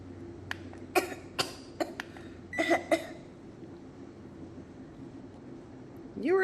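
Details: A little girl coughs after having her temperature taken. She says she feels sick but has no coronavirus. Cough.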